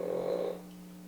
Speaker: And if you can hear Pepper that's Pepper snoring. Hear little sounds in the background.